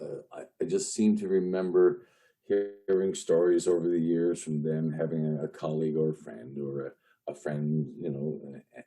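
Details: Lifelong stuttering in an adult male news reporter who has long hidden his stutter using tools and strategies, with associated panic and anxiety in stressful speaking moments.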